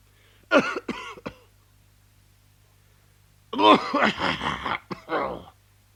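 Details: Adult man coughing: a short run of three coughs, a pause, then a longer harsh burst of four or five coughs with throat clearing.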